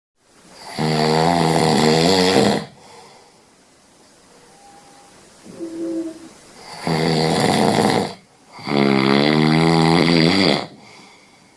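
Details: Person snoring in bed: long, loud, buzzing snores on the in-breath, about 15 a minute, with soft breathing between; heavy snoring.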